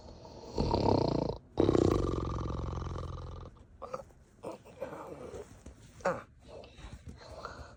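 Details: Acted snoring for a puppet character: loud, rattling snores and snorts imitating sleep, then throat clearing; simulated snoring.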